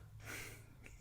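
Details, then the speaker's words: Background snoring from a sleeping dog: a single soft, rough snorting breath over a low steady room hum. "Yes. Okay, because I can hear it. So if people are hearing that snoring, it's his dog. Because I'm like, what is that noise?"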